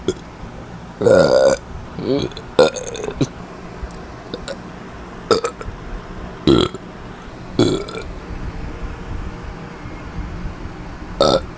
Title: Should I post more burping? :3